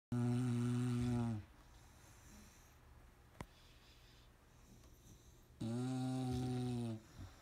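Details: Beaux, Duke and Daisy snoring: two loud, low, rattling snores about four seconds apart, with quiet breathing between.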